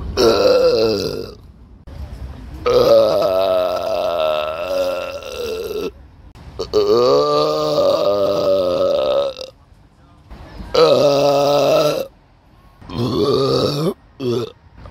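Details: Person burping, recorded on a Samsung Galaxy S9 phone: four long, loud, voiced belches separated by pauses, then one short belch; repeated burping.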